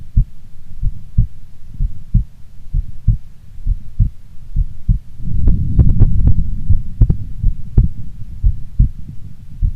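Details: Female heartbeat recorded before sleep: steady low thumping heartbeat with paired beats; normal adult heart rhythm.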